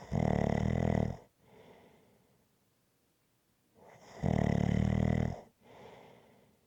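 Loud, rough snores on each breath in, each followed by a softer breath out, in a steady rhythm.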